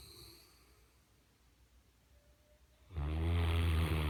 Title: Snoring Mastiff 3